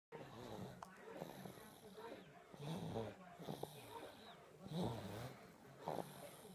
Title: Baby snoring